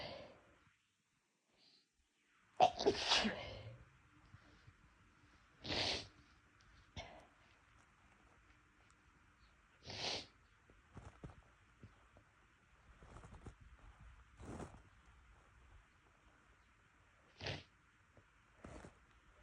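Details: Induced sneezing by a person who had been sneezing more than usual that day for no apparent reason: one loud sneeze, then several shorter sharp sneezes with sniffs between, in a quiet room.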